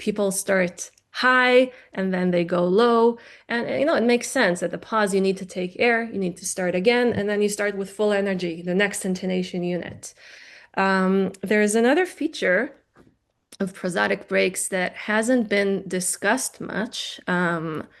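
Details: Adult woman lecturing; normal speech.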